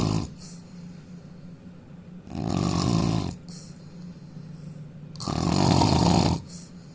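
Loud, rough, rumbling snores on each breath in, separated by quieter breaths out; heavy snoring.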